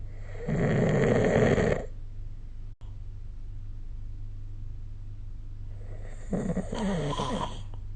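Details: Snoring recorded with the SnoreLab app during sleep: two loud, rough, rattling snores with a quiet pause between them against a steady low room hum.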